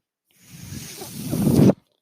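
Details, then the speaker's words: A rushing, breathy airflow builds over about 1.5 seconds, then cuts off sharply, as the speaker's own ventilator delivers one breath during their podcast: a mechanical ventilator breath cycle. "my name is that noise you're hearing is my ventilator and welcome to page-turners"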